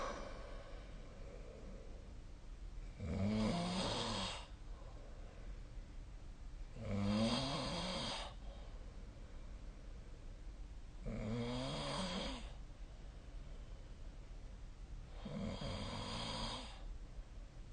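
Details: Snoring during sleep: four loud, rough snores on the in-breath, about 15 breaths a minute, with quiet breathing between them.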